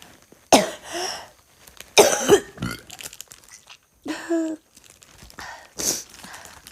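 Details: Girl coughing and vomiting: several harsh, wet coughs with throat clearing and retching-like sounds in a small room.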